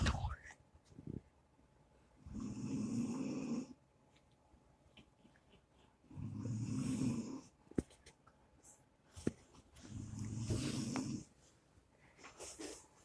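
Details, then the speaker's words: Elderly woman (grandma) asleep; three rough rumbling snores on breathing in, about 17 breaths a minute, with quiet gaps; ordinary snoring in sleep. "It's a wild grandma snoring."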